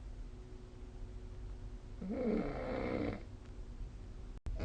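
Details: Single rough, rattling snore about a second long over steady room hum, recorded with the SnoreLab snoring app during sleep.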